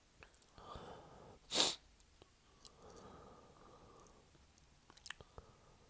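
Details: Single short, muffled sneeze held back behind a closed mouth with quiet breathing around it, from a male having sneezing fits every 30-60 minutes since waking; stifled sneeze.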